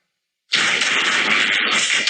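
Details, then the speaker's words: Simulation of how a cochlear implant delivers a simple spoken Spanish sentence ("plantan un árbol en el bosque todos los años"): a hissy, rasping stream of sound that is hard to understand. "vamos a oír otra frase sencilla pero ahora la vamos a escuchar tal como la proporciona el implante a ver si podemos entenderla otra vez"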